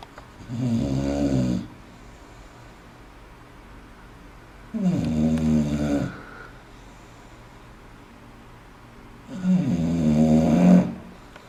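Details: English bulldog snoring: loud rattling snores on each breath, about 13 a minute, with quiet pauses between them.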